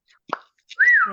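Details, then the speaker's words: Whistling vocal tic in a 22-year-old woman with Tourette's syndrome and dissociative seizures: a brief, sudden rising-and-falling whistle running into a short voiced sound. "so I ask that people don't copy my whistles when I'm whistling because then we get stuck in a loop"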